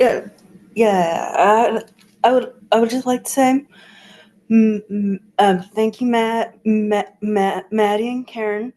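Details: Adult who stutters, with an audible part-word repetition; stuttering.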